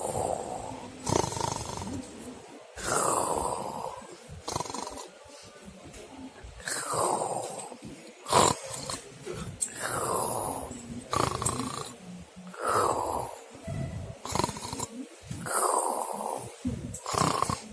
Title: suara mendengkur ngorok